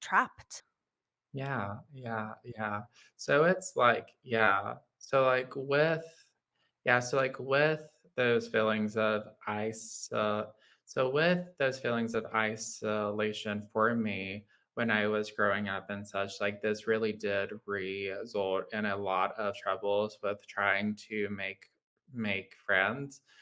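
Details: Adult man with lifelong childhood apraxia of speech, a neurological motor speech disorder affecting motor planning, rate and fluency: childhood apraxia of speech.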